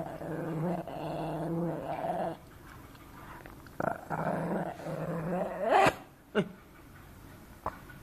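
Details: Coughing Shih Tzu dog: long, rough, honking spells followed by several short, sharp cough-like bursts. Dog cough.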